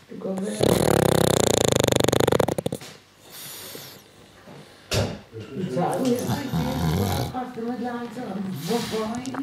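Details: Dog sleeping heavily and snoring: a loud rattling snore, then softer snorting breaths over some background noise.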